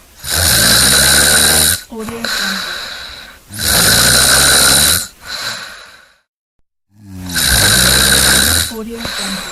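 Loud, rough snores with each breath in, about 18 a minute, separated by quieter breaths out and one brief pause.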